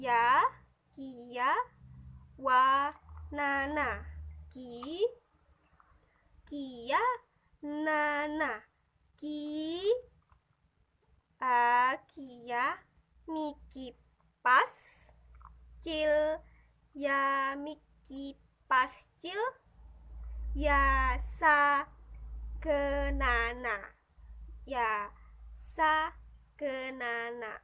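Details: Demonstration for a psycholinguistics assignment, in Indonesian, of fragmented, incomplete word production; transcortical motor aphasia.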